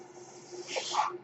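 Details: Speaker's own mechanical ventilator, heard during a podcast recording; the ventilator's breathing cycle is audible.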